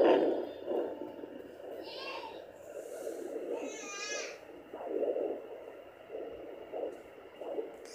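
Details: Maternal heartbeat picked up by a handheld fetal Doppler placed on the mother's chest at 10 weeks 1 day pregnant, aloe vera gel used: rhythmic whooshing adult pulses about 75–80 a minute.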